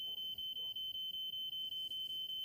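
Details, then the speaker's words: Seizure alarm in a TV drama scene, not a real patient: rapid, steady, high-pitched electronic beeping at about five beeps a second. "Um, it's it's Bill seizure alarm."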